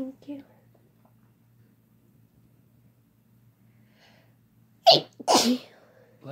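Soft breaths and a faint voice, then two sharp explosive sneezes in quick succession. Ordinary sneezing.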